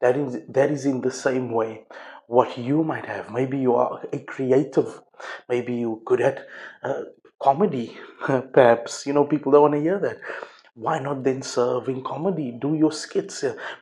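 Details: Adult male speaker; speech.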